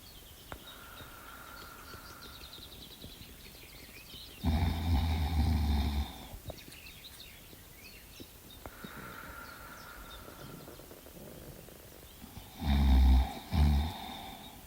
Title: Dog fast asleep snoring like a piggie